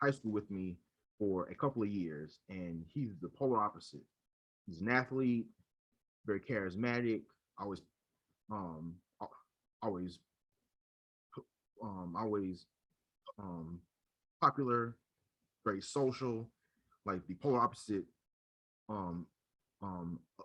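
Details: Adult man who stutters and leads a local stuttering chapter, with repeated fillers and word repetitions; stuttering.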